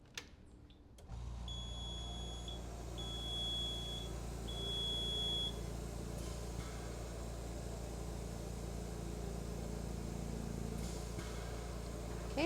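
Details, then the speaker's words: PureVent 10L oxygen concentrator for pets, switched on: three loud beeps as all lights illuminate three times, then a steady low compressor hum as the warm-up begins; normal start-up. "turn the machine on first you're expecting to hear three loud beeps you'll see all of your lights illuminate three times and then we'll start the warm-up"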